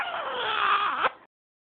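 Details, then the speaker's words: A 6-week-old infant said to hate hiccups gives a single brief, high-pitched wailing cry that falls in pitch and cuts off, after burping: an ordinary infant cry. "uhoh uhoh now you're mad why you just burped such a good one I'd be happy you don't feel good oh you're such a crybaby"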